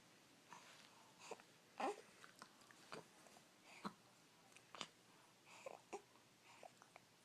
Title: Hiccups!!